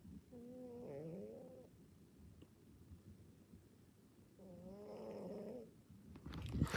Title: My cat snores lol (you might have to turn sound up)